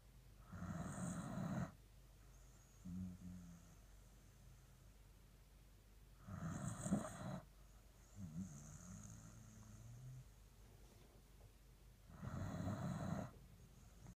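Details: Dandie Dinmont Terrier dog snoring happily: slow, regular snores about 10 a minute, each loud rattling breath followed by a softer rumbling exhale.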